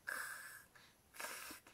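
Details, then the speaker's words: An adult imitates loud snoring, likened to a pig, with a mouth-open snore: two harsh, noisy snorting breaths in a small quiet room. "why are you doing the pig thing again because that's that's the that's the sounds of the snore"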